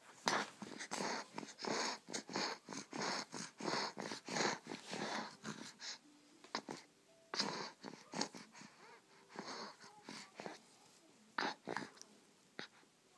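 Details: A pet dog breathes in rapid, noisy bursts with a whistling, wheezy quality, then settles into slower breaths. Wheeze.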